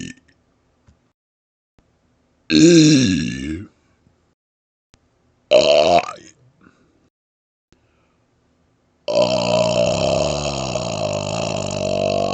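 Three long, loud voiced belches, the last drawn out over several seconds, made on purpose as burped vowels.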